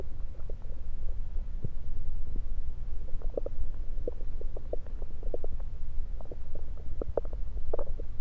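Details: Normal bowel sounds heard through a stethoscope placed around the belly: frequent soft gurgles and clicks over a low rumbling background.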